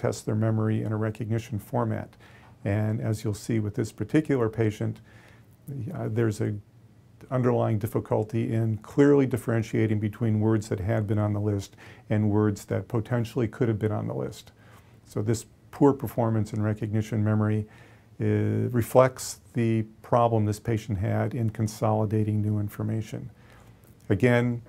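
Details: Adult male lecturer; normal speech.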